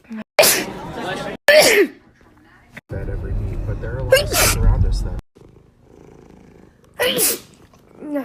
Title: TikTok Sneezing 44